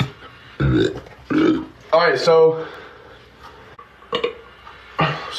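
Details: Several loud, low, croaky belches from an adult in a small echoing bathroom during a TikTok live stream; belching (eructation).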